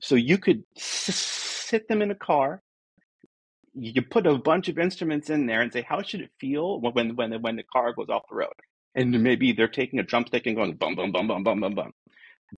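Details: Adult man who says he is a person who stutters, real and not a recording artifact; this stretch has repeated words; stuttering.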